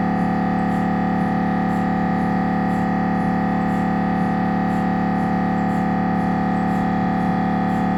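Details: Loud steady electronic drone with a regular pulsing beat of about three per second: MRI scanner noise during a normal head examination on a Siemens Magnetom Avanto 1.5T scanner.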